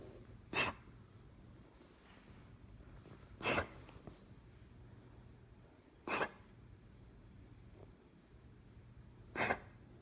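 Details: Four short, sharp, dry, isolated coughs from a dog, spaced a few seconds apart in a quiet room: a cough.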